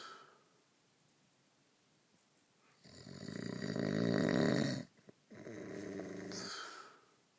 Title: Schnarchen